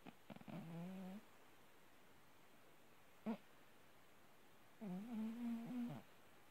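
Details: Orange tabby cat asleep and snoring: soft, buzzing, hum-like breaths in a quiet room, two longer ones and a brief one.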